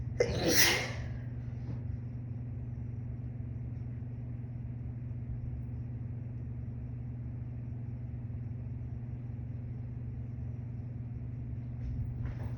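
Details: Single sharp, noisy sneeze from a 26-year-old woman who says recent heavier smoking has made her nose very sensitive; followed by steady low room hum with no further sneezes.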